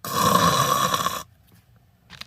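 One loud, rough, rattling inward snore lasting just over a second, then quiet.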